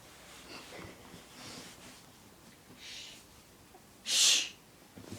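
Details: Person keeping a minute's silence until an alarm goes off: soft breathing and faint sounds, then a single loud, hissing sneeze burst near the end.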